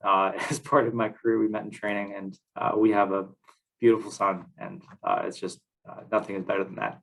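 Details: Adult male speaker; normal voice.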